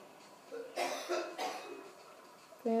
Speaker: guys, as you can hear right there, my brother's been coughing.